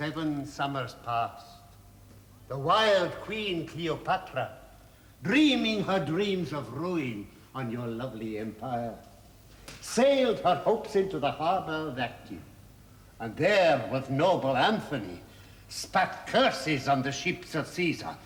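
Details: Adult male actor; normal speech.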